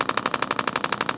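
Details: Radial shockwave therapy on a tight, sensitive spot of an adult man's deltoid for shoulder pain, about level 6 discomfort; rapid regular sharp popping bursts about twelve per second, treating a trigger point.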